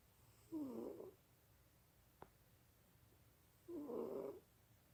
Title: (SPECIAL EDITION): One minute of my cat Tum-Tum snoring!!!